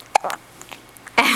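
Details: A baby boy lying down has the hiccups while his mother talks baby talk to him. A single sharp, brief catch is heard, with faint soft sounds after and louder background noise at the end.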